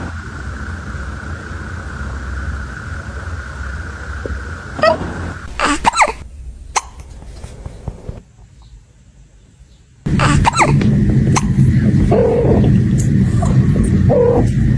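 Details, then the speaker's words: Hiccups in a kitten: small, quick, repeated hiccup jerks, with soft talk and music in the background. "[Music] [Music] baby oh hello have you got hiccups"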